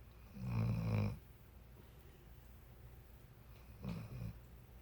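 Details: Two deep, rumbling snores about three seconds apart with quiet breathing between; ordinary snoring during sleep.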